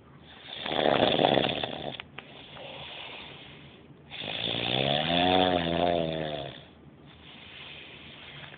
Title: Roncando